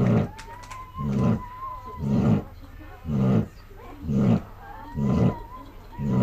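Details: Loud, rough, rattling snores with each breath, about 60 a minute, faint steady background tone; snoring in someone resting after being up all night giving birth.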